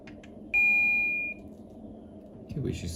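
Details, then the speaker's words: Single clear electronic beep as a Biolight S12 patient monitor starts an automatic blood pressure measurement triggered remotely from a central monitoring system demo. "once I press the machine will automatically check patient's blood pressure remotely"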